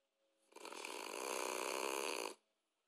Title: Sleeping Snoring French Bulldog